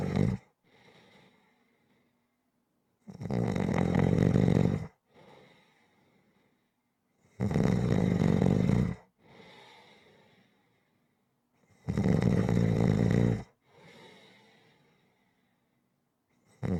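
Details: Loud harsh snores on each breath in with quieter breaths out between them; steady rhythmic snoring.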